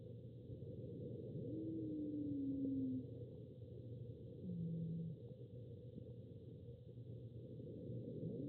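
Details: Human lung recording of asthma: wheezing, with musical whistling tones over the breath noise, one longer and falling, one lower and shorter.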